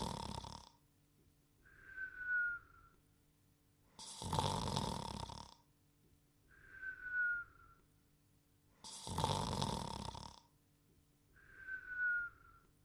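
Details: Cartoon character Dogtanian snoring and whistling, simulated: a loud rasping snore in, then a whistle out, repeating about every five seconds.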